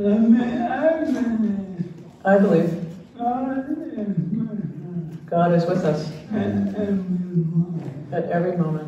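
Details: Dysarthria in an older man, a retired pediatrician, with ALS diagnosed in late 2021; his wife translates his speech.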